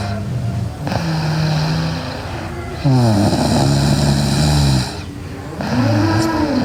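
Loud, rough snoring with long buzzing breaths in and out during sleep.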